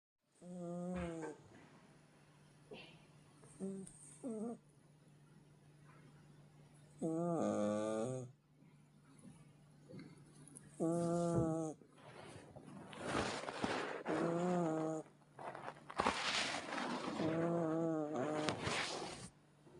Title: Kitty extreme snoring 😲😹😹😹#funny animals #Animal care